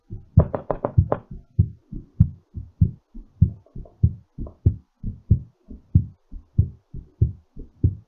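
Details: Regular low heart thumps near 100 a minute, quicker and louder at first, then settling; normal heartbeat recovering after exercise.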